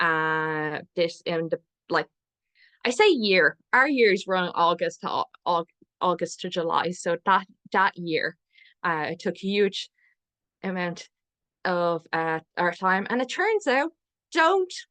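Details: Adult woman speaking; ordinary speech.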